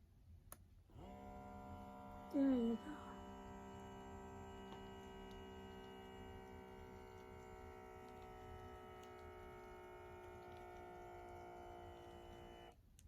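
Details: Steady electric pump hum for about twelve seconds with clicks at start and end as a new home automatic blood pressure monitor cuff inflates.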